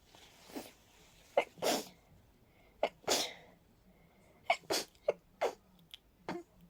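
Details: During a cold with a stuffy, sensitive nose, a rapid run of about eight quick sneezes comes with short, sharp intakes of breath between them; a sneezing fit with a head cold.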